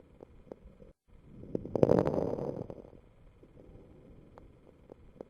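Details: Fine lung crackles: brief, sharp, intermittent explosive popping clicks scattered over a soft breath sound, usually a sign of lung disease.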